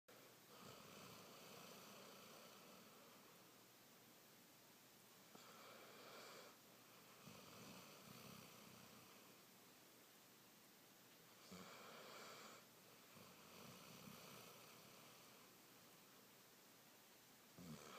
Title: snoring